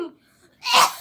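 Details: Imitation of a child coughing in class: a brief voiced sound, a pause, then a single loud, breathy, explosive burst mimicking a cough. Imitated cough.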